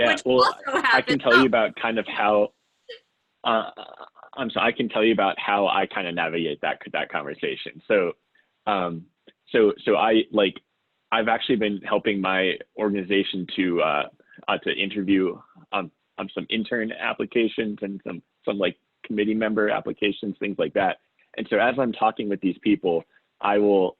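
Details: Self-identified person who stutters; the speaker says listeners can hear the stuttering in their pauses and repetitions. Finding: stuttering.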